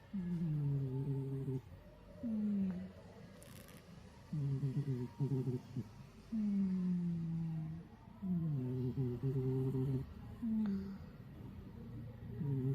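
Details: Snoring from a cat in very deep sleep: slow, rhythmic, purring-like snores, about 15 breaths a minute.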